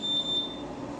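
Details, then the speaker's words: BiPAP machine setup demonstration by a physiotherapist: a high, steady electronic beep from the disconnection alarm, sounding when the circuit or mask comes off, and also triggered if the patient becomes apneic; ventilator disconnection alarm. "esse alarme é o alarme se desconectado caso paciente faça apneia também vai disparar um alarme"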